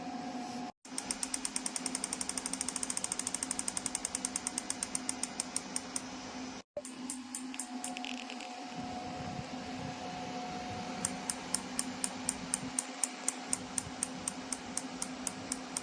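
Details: PHYSI WAVE PRO repetitive magnetic stimulation (rTMS) therapy device, up to 4T, working handle positioned over the treatment area: rapid trains of sharp regular clicks, about four a second, over a steady electrical hum, during treatment.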